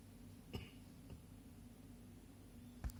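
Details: Two soft, short coughs over low room hum.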